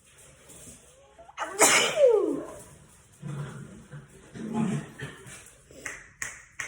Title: Sneezing my ass off right now